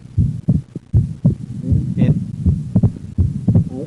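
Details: Split second heart sound in right bundle branch block, at about 80 beats a minute, the second sound split from delayed right-sided valve closure, recorded while the patient breathes in and out.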